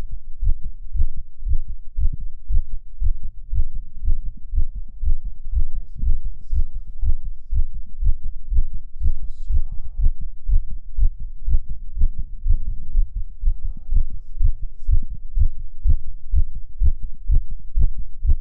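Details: Male heartbeat in Valentine's ASMR with whispers: steady, deep, quick regular thumps at roughly 120 a minute; fast heartbeat.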